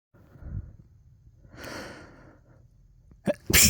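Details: Person with early-season hay fever allergies, recorded very close to the mic while watching TV: close breathing, a drawn-in breath, then a sharp sneeze burst at the end; allergic sneezing.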